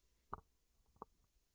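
Two brief, soft gurgling pops from the belly, normal bowel sounds.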